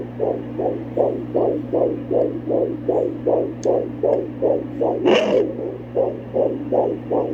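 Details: Fetal heartbeat on Doppler at almost 17 weeks pregnant: rapid whooshing pulses about 150 per minute over a steady hum, one brief rustle; normal fetal heartbeat.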